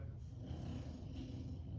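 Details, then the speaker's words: Quiet, steady, rough low rumble from a sleeping bulldog, with a second bulldog also snoring nearby: snoring. "And we got Tater Tot right there snoring. So we got 2 animals snoring on camera."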